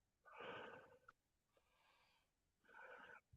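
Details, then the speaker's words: Young grandson with suspected recurrent croup: deep barking cough with harsh, noisy, strained sounds and rough breaths between, crying and seeming unable to breathe right; possibly bronchitis. "guess my grandson must have croup again or something because he's got that like deep barky cough and he can't. Uh, It sounds like he can't um, breathe right and he's out there dying."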